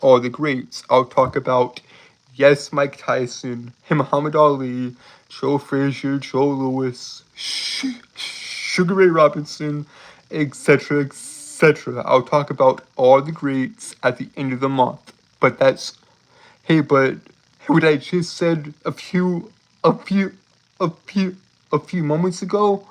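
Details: Adult male streamer with a self-reported speech impediment, with frequent word and phrase repetitions; speech impediment with word and phrase repetitions.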